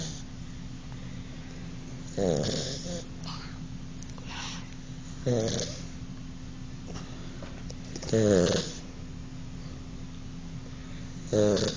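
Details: 10-week-old puppy asleep after playing, giving loud, rattling snores about 19 a minute over a steady room hum; snoring.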